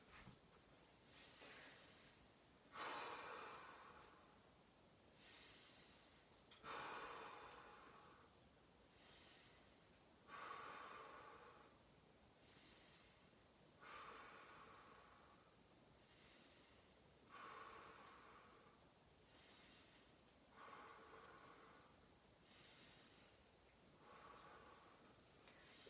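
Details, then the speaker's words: Adult patient's normal breath sounds heard by stethoscope diaphragm during lung and thorax auscultation: slow, deep mouth breaths about 16 a minute, each a soft airy rush with a quieter return, no added sounds. "we're going to be listening for full breath sounds on the anterior side"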